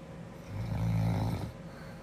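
A single low, rumbling snore lasting about a second, heard over room hiss; snoring.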